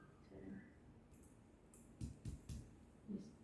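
Three short, flat taps of finger percussion over the chest with a faint background hum: a dull percussion note at the lower heart border, a normal finding.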